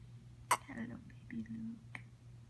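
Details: Baby 4 days old with hiccups: a few sharp, abrupt catches with small soft squeaks between, over a steady low hum in a quiet room; newborn hiccups.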